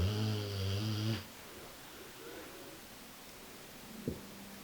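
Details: Sleeping American Bulldog: a single loud, low, buzzing snore, then quiet room noise with a faint snort near the end.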